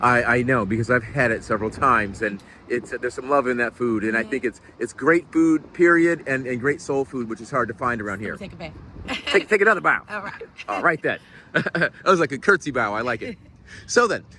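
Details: Adult man speaking; normal voice.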